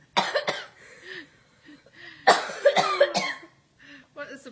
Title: Beautiful Coughing